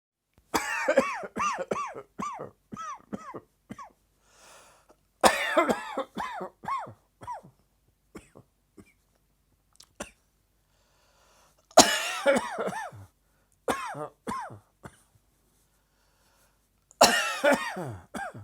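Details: Tickling afternoon cough: repeated bouts of short, dry, voiced coughs in quick runs, typical of a tickling throat.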